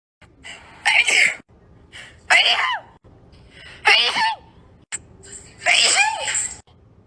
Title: sneezing compilation 5